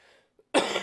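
After a brief quiet pause, a single loud, forceful cough bursts out and is cut off; a cough from chest congestion.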